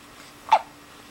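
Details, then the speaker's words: Single hiccup during a bout of hiccups, one abrupt, brief voiced gulp in a quiet room. "got the hiccups oh and maybe he's pushing out a turret at the same time maybe oh that's kind of a hickory bubblehead"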